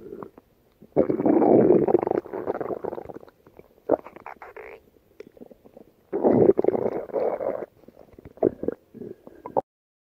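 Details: Bursts of low gurgling and rumbling with brief pops and quiet gaps from a pet rabbit's tummy: active bowel sounds of ordinary gut movement.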